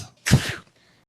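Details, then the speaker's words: Dog sneezes after smelling cat scent on a stranger during a walk: one short explosive sneeze, a sudden blast of air through the nose. "I felt something in my nose. I tried to control myself. I said, Bobo, no, be a good boy. But the cat smell was too strong. I sneezed on him, like a lawn sprinkler."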